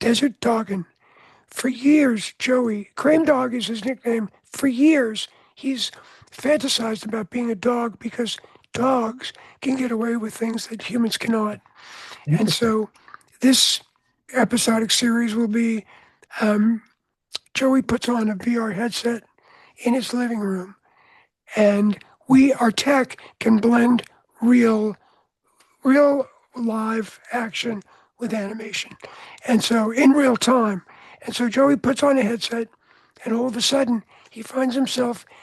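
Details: Adult man with voice change after throat cancer treated with surgery, radiation and two years of experimental chemotherapy, with no recurrence since; voice change after throat cancer treatment.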